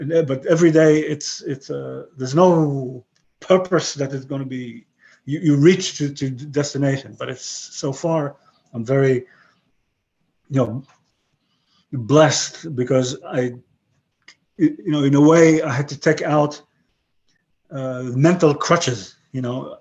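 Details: 62-year-old man with aphasia after a stroke about 11 years earlier, who lost his languages except English and Hebrew and describes his English as broken; aphasia.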